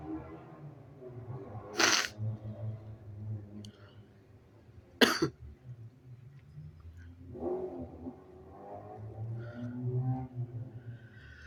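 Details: Sneezes induced with paper tissues: two sharp, explosive sneezes with quieter breathing and rustling between them.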